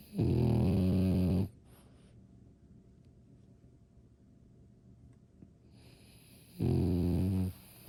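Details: Sleeping French bulldog: two loud, low, rattling snores several seconds apart, with near silence between breaths; dog snoring.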